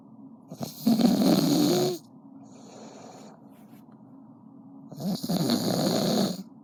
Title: Got him snoring 😴 😂